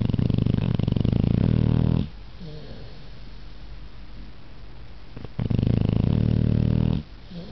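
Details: Pit bull snoring while sleeping comfortably: two loud, deep rattling snores separated by a quiet pause between breaths.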